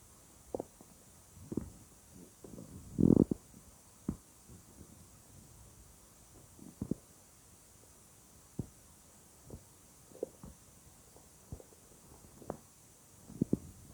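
Scattered gurgles and short rumbles from the belly, one louder longer growl among them; ordinary bowel sounds.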